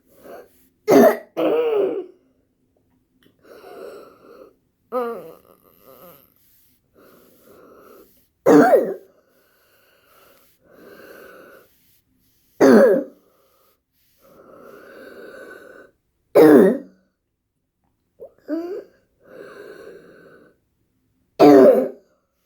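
Repeated harsh coughs separated by noisy breaths that carry a faint musical, whistling tone, consistent with wheezing.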